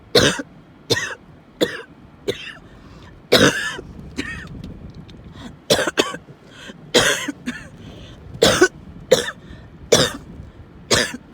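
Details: Person with recurrent coughing, wheezing and choking fits, having another fit in the car: about a dozen repeated harsh cough bursts with strained breaths between them.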